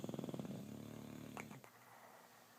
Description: Didymus snoring in bed